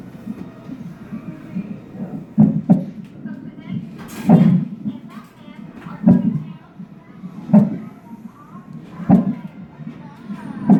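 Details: Fetal hiccups heard on a monitor after the mother drank Sprite: steady whooshing noise broken by regular sharp thumps about every one and a half seconds, around 38 a minute.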